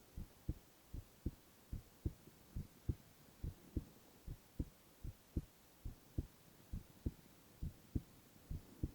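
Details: Male ASMR heart-sound recording with no talking: steady, soft lub-dub at about 70 a minute over a faint hiss, regular rhythm; normal heart sounds.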